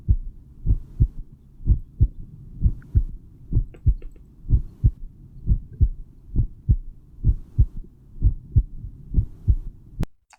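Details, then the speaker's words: Normal heart sounds played as a teaching example: a regular lub-dub at about 62 beats a minute, the first sound from atrioventricular valve closure and the second from closure of the valves between the ventricles and the arteries. "o barulho do fechamento das válvulas o primeiro um fechamento do as válvulas entre os átrios e os ventrículos o segundo um é o fechamento dessas válvulas entre os ventrículos e as artérias que saem do coração"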